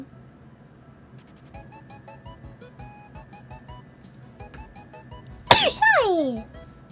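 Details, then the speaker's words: Streamer sneezing repeatedly and unable to stop: one loud, explosive sneeze with a trailing vocal tail over soft music. "え、誰か噂した?めっちゃくしゃみした。止まらない。"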